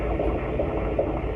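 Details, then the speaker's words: Quick, regular clicks at about 150 a minute over steady hiss: normal fetal heart tones, found with a handheld fetal Doppler on a pregnant patient's abdomen by moving slowly and changing angles until the click is heard. "And changing angles if I think I hear it. Y ahí cambiamos de ángulo si nos parece que lo escuchamos. And I heard that click."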